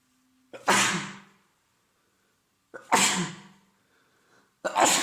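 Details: Adult male with a head cold caught days earlier, congested, stuffy yet runny nose and sore throat: three forceful sneezes, each with a short sharp intake before the burst.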